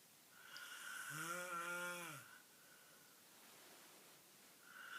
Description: Evil snoring